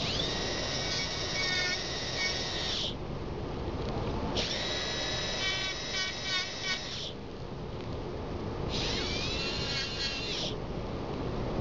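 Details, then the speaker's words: High-pitched whine of a dental drill in three bursts with steady background hiss between them, trimming an interim restoration on tooth 21 toward the finishing line with the side of the bur, in a dental student demonstration. "And use like the entire length of the burr. Some people like use this, and it's gonna give you not a nice smooth area. So use the side of the burr."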